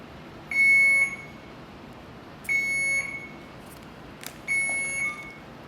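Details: Three short high-pitched beeps about two seconds apart from an Alaris infusion pump as a heparin infusion is started at 30 mL/hour, during thrombolysis (alteplase) setup.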